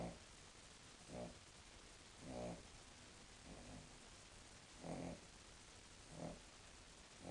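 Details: Snoring in a sleeping female King Charles Spaniel, quiet for her usual: low, rumbling snores about every 1.2 seconds over a steady background hiss.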